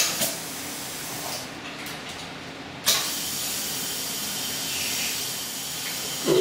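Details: Dental cleaning of a 5-year-old girl at a follow-up visit after a cavity filling; steady hissing spray and suction from the dental instruments, with a brief burst partway through.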